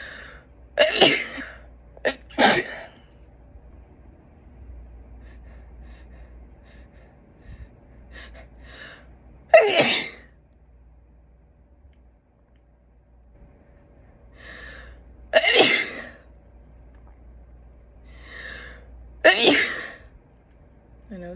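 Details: Woman with an itchy, sniffly, sensitive nose for several days: five forceful sneezes, several preceded by quick gasping in-breaths, with a low steady hum in the background.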